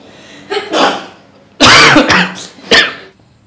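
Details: Several short, harsh overlapping cough bursts from two adults in a quiet room.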